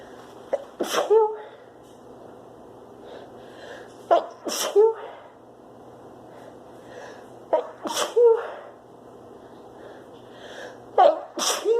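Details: Woman with spring pollen (flower) allergy sneezing: four sharp sneezes over about twelve seconds, each preceded by a short inward breath; repeated allergic sneezing.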